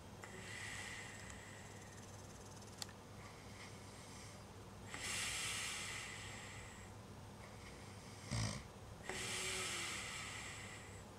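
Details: Sleeper: hissing, breathy snores about four seconds apart, one with a brief snort, over a steady background hum; soft snoring.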